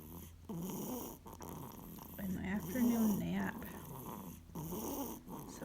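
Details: Sleeping dog snores with rough, rumbling breaths under a steady low room hum. Snoring.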